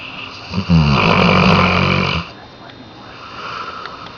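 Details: Snoring from a sleeping Saint Bernard dog: one long, loud, fluttering snore followed by quieter breathing, against steady room hum.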